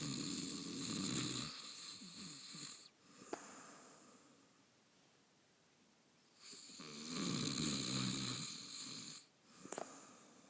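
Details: Adult husband snoring: two long, rough, rattling snores about six seconds apart with quiet breathing between.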